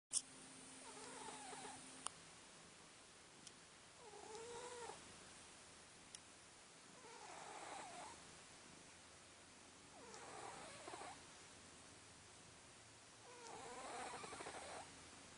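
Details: A sleeping cat snoring: quiet, rhythmic snoring breaths about every three seconds, each with a soft purring flutter.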